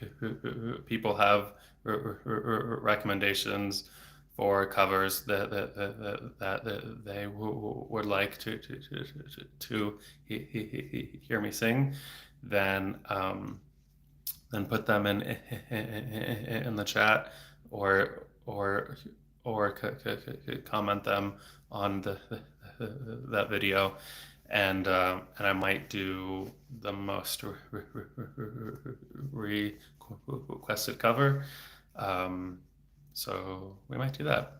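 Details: Adult man who has stuttered since age eight, about 26 years, with speech therapy off and on until his early 20s; not using fluency strategies here; he reports blocks with throat tension and frequent repetitions; stuttering.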